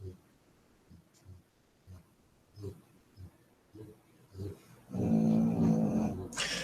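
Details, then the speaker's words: Sleeping dogs snoring during a live webcast: short repeated low snorts and snores, ending in a louder, rougher stretch of snoring. "wow that was loud you guys can't hear them snoring seriously listen to"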